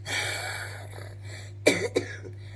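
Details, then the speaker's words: Adult sick over a week with bubbly rattly breathing and coughing attacks: a drawn-out rough breath then two harsh coughs in a small room. "p in these cough attacks where just running down sweat and at the same time I can't stop coughing because I feel like I I need to stop coughing so I can just breathe for a moment but then it just sounds like five bears are snoring"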